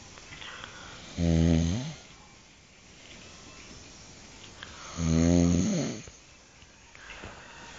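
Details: Adult who fell asleep sitting in a chair with head bowed around 5 a.m. after vomiting; two loud, rough, vibrating snores on inspiration about four seconds apart over quiet room noise, described as strange noises; snoring.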